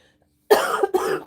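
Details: In an adult woman with bronchitis who is taking amoxicillin and using an inhaler, a brief silence is followed by two harsh, rough coughs close together; a cough from bronchitis.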